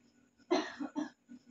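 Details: One brief voluntary cough followed by a couple of short throat-clearing bursts from a patient lying on the abdomen, head turned to the side, in a nursing student's postural drainage and percussion-vibration skills demonstration.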